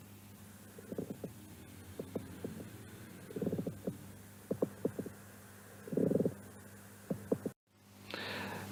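Repeated clusters of coarse, creaking, leathery sounds with each breath in and out: a pleural friction rub.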